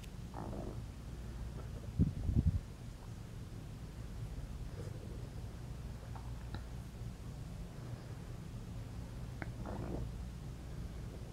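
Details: Low, rolling gurgles and growls from an adult woman's belly after eating McDonald's, in a quiet room: ordinary digestive bowel sounds (borborygmi).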